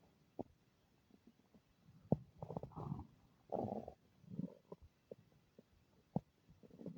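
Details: Stomach noises the person calls unfamiliar: quiet gurgling and bubbling rumbles with scattered clicks from the belly; ordinary bowel sounds.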